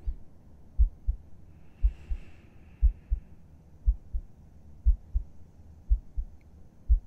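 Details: ASMR role-play heartbeat heard with a listener's head resting on the chest: slow, steady paired low thumps, about 60 beats a minute; normal resting heartbeat.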